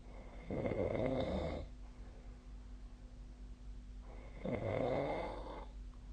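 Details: Snoring during sleep, recorded 2025/01/22 with the SnoreLab snore app: two long, rough, rattling snores about four seconds apart with steady low room hum between.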